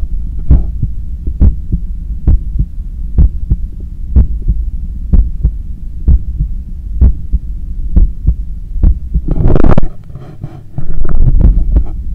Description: As I am cooling down from a 10km run, this is my heart pumping, with clear sounds of blood passing through the cardiac chambers and arteries, visibly strong in my neck.